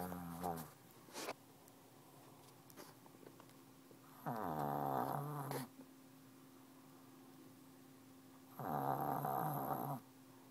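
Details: Sleeping female animal lying under a desk with her face squished against the wall: long, buzzing, nasal snores about every four seconds, loud like a train, with quiet pauses; snoring.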